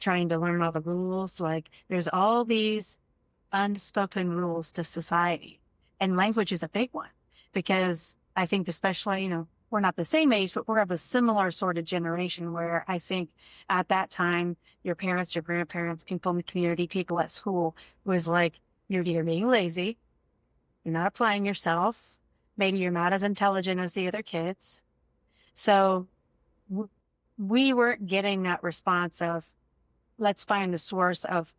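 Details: Adult woman speaking; fluent speech.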